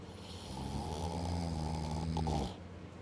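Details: Snoring: one long, deep, rumbling snore on an in-breath, about two seconds, then quiet breathing noise.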